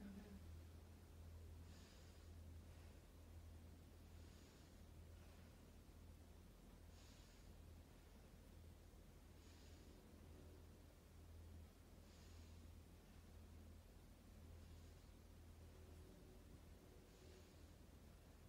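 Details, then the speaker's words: Student nurse auscultating a healthy patient's back with a stethoscope during deep breaths; repeated even breaths with soft airflow hiss, no wheeze or crackles; lungs nice and clear: normal breath sounds. "good your lungs sound nice and clear"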